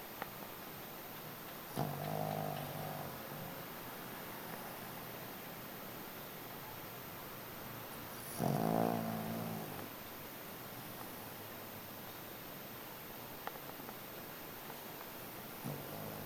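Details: Sleeping 11-year-old Shih Tzu: two slow, low rattling snores a few seconds apart; ordinary, harmless snoring.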